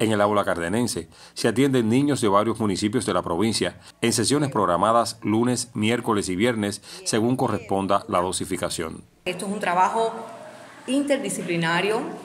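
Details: Adult male narrator; typical speech.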